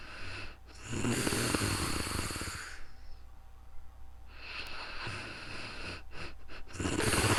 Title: ASMRSLEEPINGBEAUTY snoring real time sleeping calm relaxing sounds